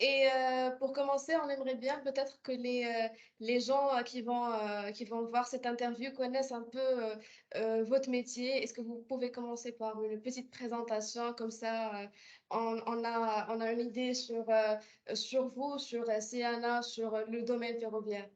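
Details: Adult woman speaking French; normal voice.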